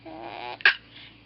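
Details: Baby boy with hiccups: a soft baby sound, then one sudden sharp catch of breath; a single infant hiccup.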